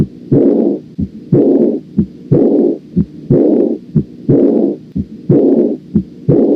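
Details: Aortic regurgitation (insufficiency) auscultation: regular heartbeat at about 60 per minute with a loud blowing diastolic murmur after each beat.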